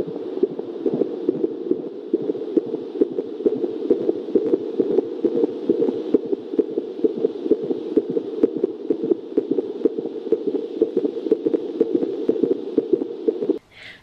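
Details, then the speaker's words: Normal fetal heartbeat heard in utero with a small handheld Doppler, its earpiece held near the microphone: rapid, steady whooshing pulses at about 133 per minute, within the normal 120–160 range. "moi je suis un petit peu habitué à l'oreille et donc j'entends à l'oreille que c'est un coeur qui bat qui bat normalement"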